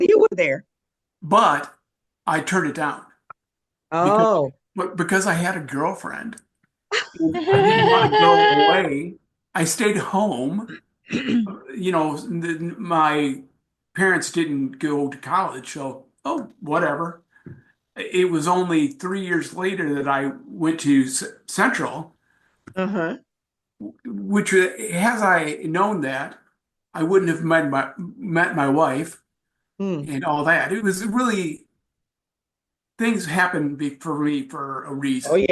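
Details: Aphasia in an adult male, acquired after a traumatic brain injury from a bike accident without a helmet and a month-long coma, about four and a half years post injury; ongoing aphasia.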